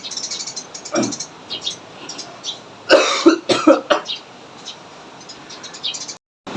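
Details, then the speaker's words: Effective cough demonstration, seated on the edge of a bed: a maximal breath in through the nose and out through the mouth, then a pair of firm coughs. The first cough moves phlegm from the large airways, the second expels it. "Mengapa kita harus melakukan batuk sebanyak 2 kali? Karena batuk yang pertama bertujuan untuk mendorong dahak dari saluran nafas yang lebih besar. Kemudian, batuk yang kedua bertujuan untuk mendorong dahak keluar melalui mulut."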